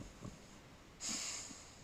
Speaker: si vous entendez ronfler, c'est mon chien,